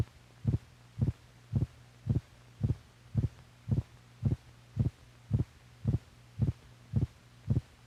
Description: Made for doctors, this shows and records heartbeats, correlating the physical motion of the heart with the sound it makes.